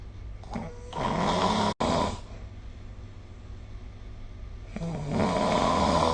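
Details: Snoring during sleep recorded with a smartphone snore-recording app: two long, loud, rough rattling snores with a pause between.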